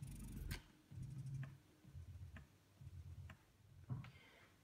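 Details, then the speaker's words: Quiet motor hum in short rhythmic pulses with soft clicks from a Spectra breast pump demonstration in let-down mode, cycle speed fixed at 70 a minute, suction strength adjustable from level 1 to 5; let-down mode. "when it's switched into the letdown mode by pressing this wavy button here I cannot change the cycle speed from 70 but I can change the suction strength between levels one and five"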